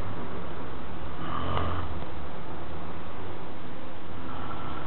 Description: a friend with his noticeable sounds